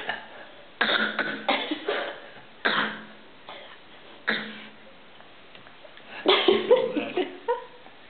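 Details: Young child giving a series of short, forced fake coughs on purpose, imitating a real cough; the child seems to enjoy coughing.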